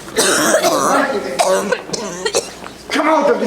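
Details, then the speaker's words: Woman from Indiana, originally from Zimbabwe, coughing for about six years without response to medication; several harsh coughing bursts mixed with throat clearing and voice over room noise during a prayer session: chronic cough. "When I came here, I was just coughing, and I've had this cough for about six years. It doesn't respond to any medication."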